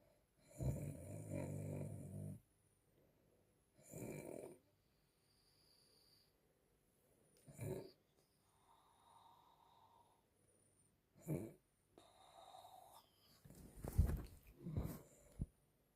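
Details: Grandmother snoring while asleep: loud, low, rattling snores in irregular bursts with quiet pauses between them, heavy snoring.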